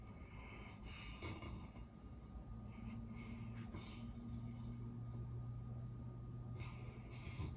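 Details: Sleeping Great Pyrenees breathing quietly with a low rumbling snore and occasional soft snorts; owner worries breathing sometimes stops and wonders about sleep apnea, though no clear pause is heard; snoring.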